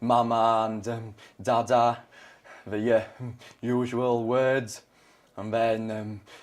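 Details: Stammer in an adult man, present since age 3, possibly from trauma around a club-foot operation at age 1. He is a McGuire Programme graduate and speaks using its costal-breathing technique to stay in control.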